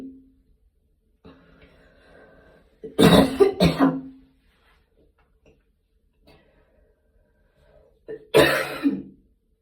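Two bursts of harsh coughing, three to four coughs each, with throat clearing between; coughing after exercise.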